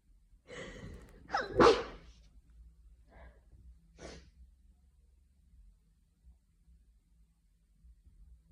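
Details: Afternoon sneezing fit from hay fever: a sharp in-breath, then one loud explosive sneeze and a softer follow-up.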